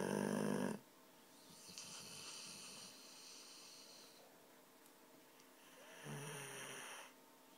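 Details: Dog snoring loudly, with snorting, rattling breaths at the start and end and softer breathing between; the snoring stopped whenever the TV was turned off.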